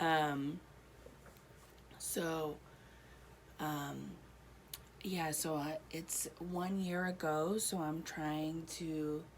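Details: Adult woman one year after a stroke affecting her right side, speech improving with therapy; Broca's aphasia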